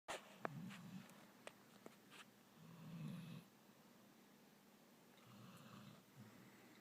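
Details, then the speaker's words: Dog sleeping on the couch snoring: soft, low rumbling snores on the breaths, faint against quiet room noise with a few small clicks. "The dog is snoring. Snoring dog."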